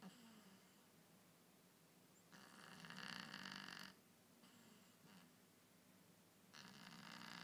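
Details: A sleeping cat (Winky) snoring very loudly, with rough, raspy snores on the in-breath, each over a second long, and quieter breathing between; ordinary snoring.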